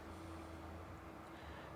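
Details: Steady low motor hum with faint airy suction noise during endoscopic ear microsuction removing wax from a narrow, full ear canal, in a compilation including a perforated eardrum; ear wax microsuction.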